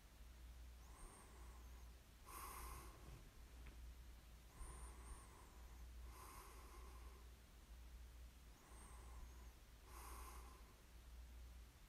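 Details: Snoring ASMR recording of a sleeper: quiet snorting breaths every few seconds over a steady low room hum, soft snoring.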